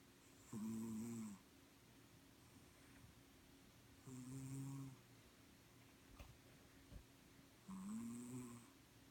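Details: Cat snoring very loudly: three loud, rumbling snores with a whistling tone, spaced a few seconds apart over quiet room noise.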